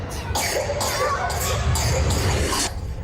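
A child's acted cough: four or five short, harsh bursts in quick succession over faint background music.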